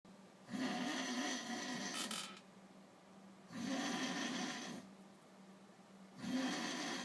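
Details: A drunken man asleep: loud, rasping snores at about 23 a minute, each a long, fluttering in-breath separated by quiet out-breaths; ordinary snoring.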